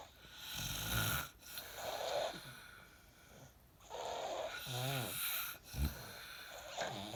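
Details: Sleeping adult man snoring: rough, rattling snores on breathing in, lighter whistling breaths between them, and a steady hum underneath.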